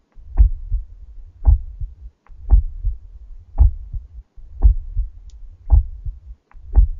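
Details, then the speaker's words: Normal heart sounds in a teaching recording: regular paired first and second sounds, about 56 a minute, with short systolic and long diastolic silences and no murmur. "entre b1 et b2 trop le petit silence correspondre à la systole ventriculaire et entre b2 et le b1 se trouve le grand silence correspond correspondant donc à la diastole ventriculaire"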